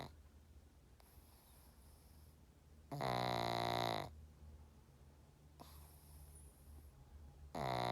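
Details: Loud, rasping snores recurring every few seconds, with quieter whistling breaths between them, over a low, steady room hum: snoring.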